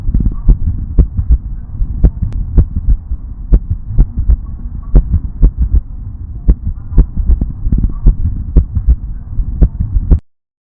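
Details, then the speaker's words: Bulldog with Boxer (arrhythmogenic) cardiomyopathy, heart auscultated in the clinic: no murmur; an irregular rhythm where two normal beats are broken by an early, weaker premature beat and a short pause, repeating; ventricular trigeminy. "Ainda, ao avaliar a regularidade dos batimentos, é possível detectar claramente um padrão arrítmico, em que uma sequência de 2 batimentos normais é quebrada por um batimento prematuro."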